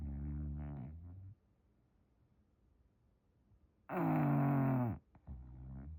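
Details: English bulldog snoring while sleeping in a blanket: loud, low, rattling breathing noises with quiet pauses between; dog snoring.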